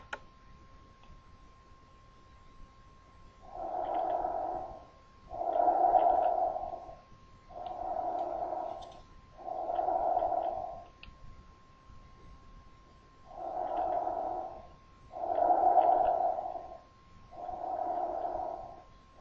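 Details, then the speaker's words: Laryngotracheal breath sound auscultated over the anterior neck (larynx): loud, harsh blowing inspiration and expiration separated by a pause; normal tracheal breathing. "sin embargo la laringe la podemos auscultar en la parte anterior del cuello escuchemos el sonido laringo traqueal"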